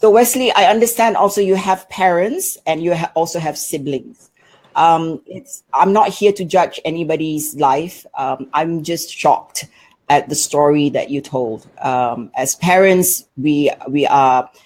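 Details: Adult woman; typical speech.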